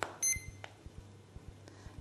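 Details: Short high electronic beep with low hum and faint clicks as a key is pressed on a Legacy PCA morphine pump keypad while programming settings (units in milligrams, then concentration 1 mg/mL).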